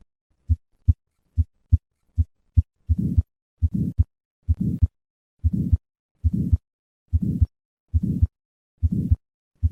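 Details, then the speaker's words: Regular heartbeat near 75 a minute with a soft, brief, diamond-shaped early-peaking systolic murmur from turbulence across a normal aortic or pulmonic valve; innocent systolic murmur. "in summary innocent systolic murmurs are due to turbulence across the normal aortic or pulmonic valve these murmurs occur in more than 50 percent of normal individuals"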